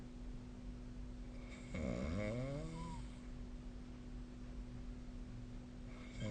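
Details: Snoring during sleep: one loud, rough snore with a rising and falling pitch over a steady low background hum.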